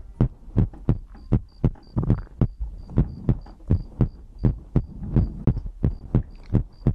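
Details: ASMR heartbeat-and-breathing compilation recording: strong, regular heartbeat thumps with a faint repeating high tone and low hum behind; normal heartbeat.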